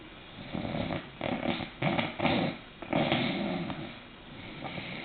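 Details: Snoring from a sleeping bulldog.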